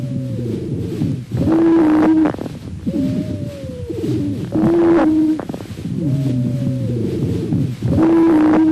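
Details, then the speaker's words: Musical, high-pitched whistling tones through both inspiration and expiration at about 19 breaths/min, multiple and spread across the whole chest: polyphonic wheezes indicating airway narrowing. "e o sibilo são sons agudos de alta freqüência múltiplos e disseminados por todo o tórax que sugerem o estreitamento das vias respiratórias e aparecem na inspiração e na expiração"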